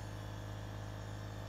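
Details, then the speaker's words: A repaired compressor nebulizer, tested with a little saline, runs with a steady low electric hum and buzz while producing plenty of mist. Compressor nebulizer running. "Já está...criando a névoa. Está funcionando já. Olhe a quantidade de névoa aqui."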